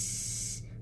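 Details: Pediatric speech therapist demonstrating /s/ with tongue tip up at the front; correct sustained /s/ sound.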